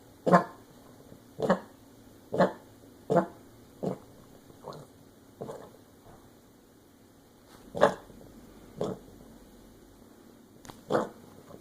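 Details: A dog gives a run of about ten short, harsh coughs in a quiet indoor room.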